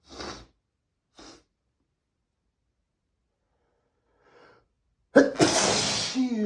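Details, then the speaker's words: Adult male announcing a sneeze during a desperate sneezing fit, says he sneezes a lot every day and is trying to hold them back: two soft sniffs and a faint breath, then one loud, forceful sneeze with a sharp burst of air and voice. "Oh god, I have to sneeze again. I'm going to I'm going to sneeze. I'm going to sneeze."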